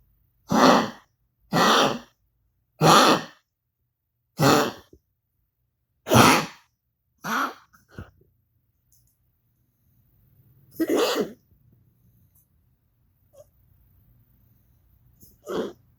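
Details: Cough in a dog named Goliath, recorded for a veterinarian: a run of about six harsh, evenly spaced coughing bursts, then a couple more after a pause, in a quiet room.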